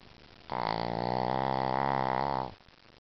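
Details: Sleeping Shih Tzu snoring: a single long, low, buzzing rattle of about two seconds.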